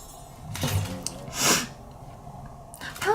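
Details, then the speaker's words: A K-pop group member sneezes, said to happen on stage or on camera: a brief voiced intake, then one sharp, hissing sneeze burst in a small room. "멤버들이 재치기 할 때 되게 특이하게 해요. 약간 다양한 뭐뭐? 완전 시원하게 하는 거."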